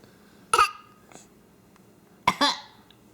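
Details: Infant who has started coughing playfully and often, as babies try out new sounds, gives two short, sharp coughs, the second a quick double burst, in a quiet room; a parent then says he coughed something up.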